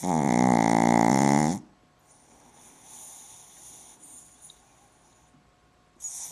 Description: My pug named Shishka snoring her life away!!!!!!!!